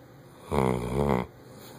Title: Bloodhound snoring loud